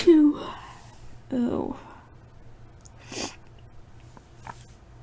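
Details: At night, a person with a tickle in the nose while finishing an English paper gives a voiced lead-in and a forceful sneeze, then sniffing and softer breaths in a quiet room; sneezing.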